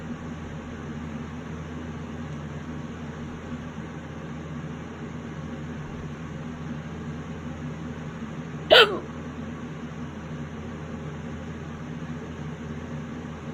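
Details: Late-night violent hiccups that have lasted half an hour: a single sharp, abrupt hiccup against steady room hum, part of a persistent, forceful bout.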